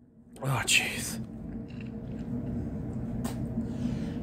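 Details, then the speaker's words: Male with a sniffly, tickly nose after going out in the rain, deliberately provoking sneezes: a single sharp sneeze burst followed by quiet breathing and room noise. "I'm sorry I just I just had to there's way too much tickling my nose"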